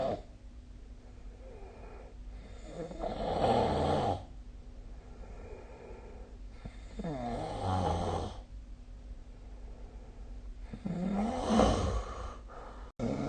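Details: Snoring recorded with the SnoreLab app: three loud, rattling snores on the in-breath, about 16 a minute, with quiet out-breaths between; low room hum.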